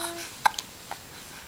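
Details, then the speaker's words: A baby hiccups while the mother sings a morning song, giving two or three brief, sharp hiccups in quick succession with soft room sound and singing around them; the hiccups interrupt the baby's cooing. "Oh, jeez. Hiccups are coming strong."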